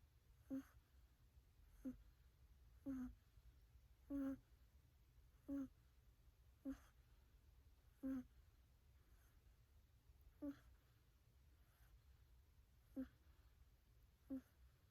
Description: 3 minutes video of a cat sleeping/snoring.